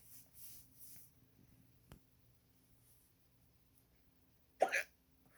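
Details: A sharp hiccup sound after quiet sounds, replayed from a cartoon (character Pinkie), not a real recording. Hiccups.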